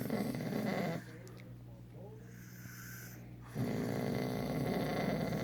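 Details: Loud, coarse, vibrating breaths with quieter pauses between: snoring during sleep.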